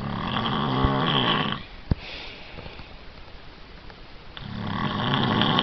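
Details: Man snoring in his sleep: snoring.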